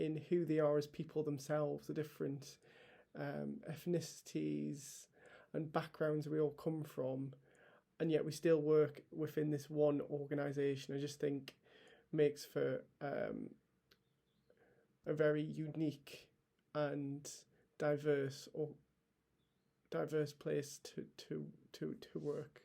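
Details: Adult male paediatric trainee doctor with a real stammer he has had for as long as he can remember; stammering.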